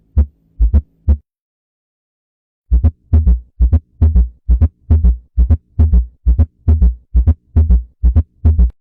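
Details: Abnormal heart sounds: regular paired heart sounds at about 67 beats a minute, with a brief silent gap early on.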